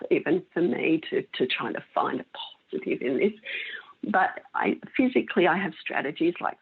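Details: Adult female with spasmodic dysphonia of mixed adductor and abductor type for 16 years, treated with Botox injections into the larynx that stop some of the spasms; she says her voice may go in and out a little.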